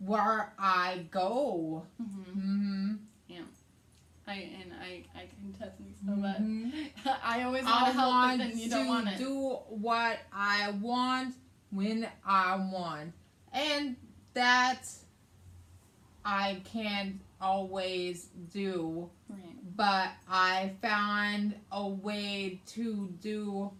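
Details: Adult woman with aphasia, also affecting reading and writing, and right-side hemiparesis after a hemorrhagic stroke on May 19, 2020 requiring brain surgery; aphasia.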